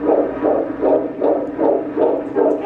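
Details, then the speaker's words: Fetal heartbeat on Doppler at a 15-week prenatal visit: rapid, regular whooshing pulses in the 150s per minute, a healthy rate in normal range. "After that, they took the baby's heartbeat. It was healthy. It was in the range that it needed to be in."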